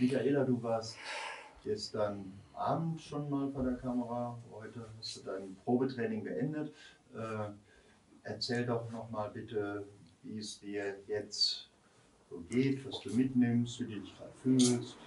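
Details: Adult male speaker; normal fluent speech.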